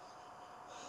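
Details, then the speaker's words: Simple vocal tic in a person with Tourette syndrome, whose tics range from moderate to severe: a brief, sharp nasal sniff. "a lot of simple ticks that people have are the eye blinking the eye blinking a simple jerk uh then some simple vocal ticks like sniffing and"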